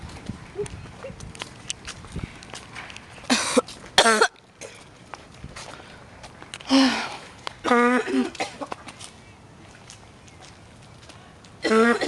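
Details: About five loud, exaggerated, deliberately faked voiced coughs aimed at an old man, against quiet outdoor background noise.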